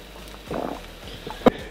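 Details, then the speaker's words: Woman's stomach growling: audible gurgling she says is like moving water in her belly, with a hand placed on the abdomen; borborygmi. "my stomach thing yeah it's doing it i heard it i can't even believe that's a thing"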